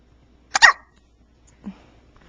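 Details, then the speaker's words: Baby girl with hiccups at 4 a.m. just after her feeding, not bothered by them, described as her worst case; one sharp hiccup with a small squeak and a soft follow-on sound. "she's the worst case of hiccups I've ever heard from her she's obviously not bothered by them but still"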